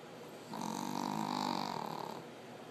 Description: Mason Snoring, Shih-tzu snoring, This dog can saw logs.